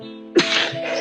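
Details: A person singing live with music is cut off by one sudden, explosive, hissing sneeze, with the music continuing behind; sneeze.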